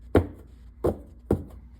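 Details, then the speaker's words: Teaching audio from a cardiac exam review: a short run of dull heart thumps with a galloping cadence, attributed to blood rushing into the ventricle; an S4 gallop. "The S3 and S4 heart sounds are often referred to as gallops because of the rhythmic cadence which resembles the sound of a horse galloping. The sound that a gallop makes is a result of blood rushing into the ventricle."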